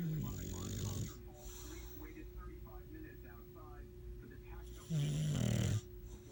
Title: Snoring Boy Dawgs